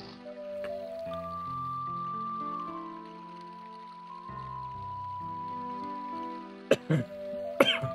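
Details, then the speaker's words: Adult getting over a cold, with the voice still affected two to three weeks later: a few short coughs and throat-clearing bursts over steady game music. "you can hear my voice as well you can hear me coughing and like my voice is a little messed up"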